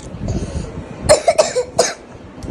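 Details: Several loose, rattly coughs from a child asked to cough hard, a moist cough with phlegm and mild chest congestion, described as mainly viral.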